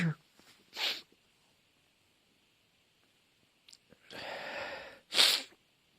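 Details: Sneezing fit: several sneezes in quick succession with a drawn-out breathy sneeze between them, in a quiet room.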